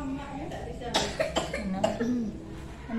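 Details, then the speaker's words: Sudden coughing attack in a young preschool girl at school, still unwell and taken to the school sick room for medicine; three or four brief coughs over room noise and faint talk. "itu sakit pasti perutnya batuk begitu ya Bu ya mudah-mudahan besok sembuh"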